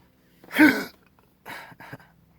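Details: An adult with a rare, disabling chronic hiccup condition present since December 2015 and unresponsive to many treatments and surgeries: one loud, abrupt voiced hiccup followed by two softer ones.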